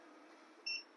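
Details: Evox 5S 5 LPM oxygen concentrator: a single short high beep over quiet room noise as the touch control acknowledges oxygen being switched on.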